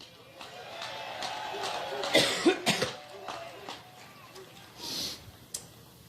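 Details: An adult woman coughing during a Labor Day speech in Cleveland, Ohio; she mentions an allergic reaction. Several harsh coughs and throat clearing in a row in a large echoing hall with crowd noise, a repeated coughing fit.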